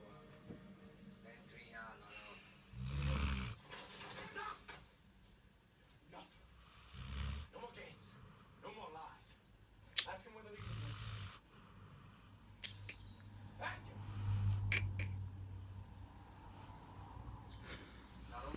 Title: Snoring dog